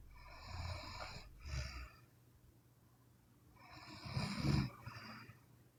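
Two rough, fluttering snores on breathing in, separated by a quiet pause, with faint room hum behind.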